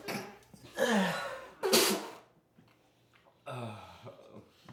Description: The objective was to try your hardest to hold in a sneeze.